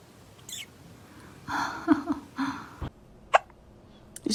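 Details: Cat hiccuping, possibly from eating food too fast: short abrupt catching sounds with brief vocal chirps between them, amid laughter.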